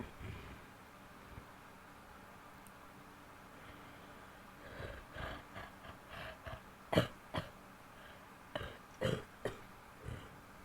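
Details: Adult woman, after a quiet pause, gives a run of short, harsh coughs and throat-clearing sounds: cough.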